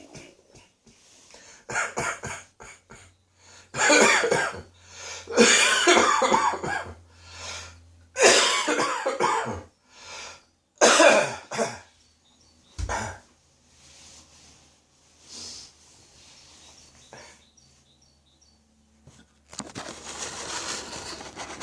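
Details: Adult coughing in repeated bursts, some harsher and deeper, with a spring cold; the cough is getting deeper into the throat and is expected to reach the chest in a couple of days.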